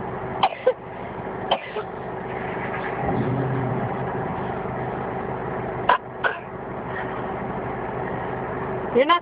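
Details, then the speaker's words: Infant boy gives about six short, dry, deliberate coughs, mostly in pairs, over an engine-like rumble; caregiver says he is not really coughing: voluntary cough. "coughing stop it you're not coughing you're not coughing stop it he's not really coughing"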